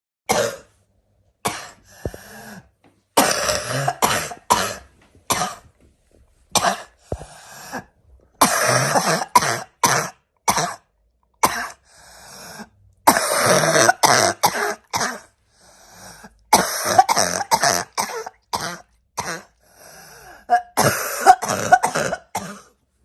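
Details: Barking cough in an adult: repeated harsh, short coughs in irregular bouts.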